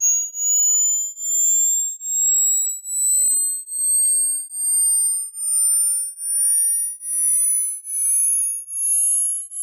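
Pure electronic tones sweeping in pitch, repeated in pulses about 77 a minute, used as an age-related high-pitch hearing check.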